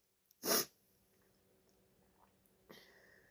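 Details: Female sneezing, thought to be from allergies or hayfever: one sharp, forceful sneeze burst in a quiet room, followed by a soft breath; sneezing.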